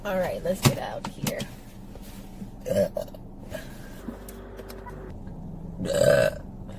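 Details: Woman: several loud, voiced belches, the longest near the end, with talk and room noise between them; burping.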